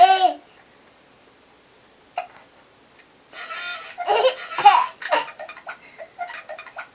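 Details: Hiccups during laughter: sudden short voiced hiccup catches break up a run of giggling, with pauses between bursts.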